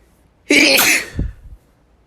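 A single sharp, hissing sneeze burst with a short trailing breath; one ordinary sneeze.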